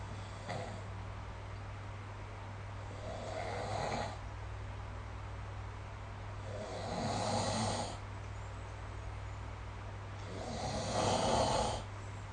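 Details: Sleep snoring recorded with the SnoreLab app: three rough, rattling snores on inhalation about every 3.5 seconds, roughly 17 breaths a minute, over steady low room hum.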